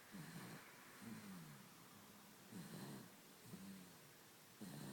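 Soft, repeated noisy breathing sounds with a faint buzzing tone, recurring about every second or two; light snoring in a sleeping baby.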